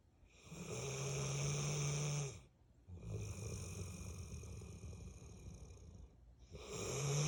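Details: 8-year-old Bullmastiff snoring, said to snore all day every day: long, harsh snores with a low droning hum and a rasping hiss, broken by short pauses.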